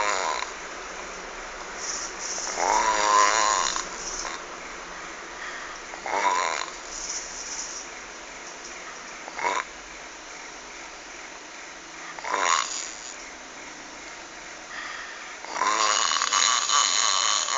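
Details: Frightening snoring recorded on a mobile phone: loud, rough rattling snores recurring every few seconds over quieter breathing, about five snores in the stretch.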